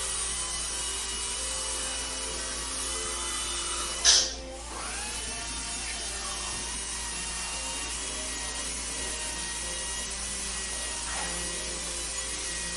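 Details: A steady, high-pitched whine of a dental drill with a brief louder burst, in a quiet dental treatment room.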